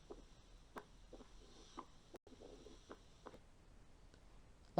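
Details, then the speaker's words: Accentuated first heart sound in a recording played in a paediatric cardiology teaching session: slow heart sounds, about 55 a minute, with a sharp, loud S1 compared with a normal first heart sound. "الاس 1 لو قارنتها بالاس 1 اللي انت سامعها عليك هتلاقي الاس 1 هنا اكسنتويتد زايده، بتدي صوت اعلى. يبقى ده الاكسنتويشن."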